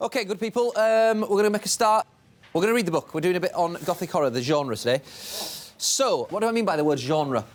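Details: Adult male teacher; normal speech.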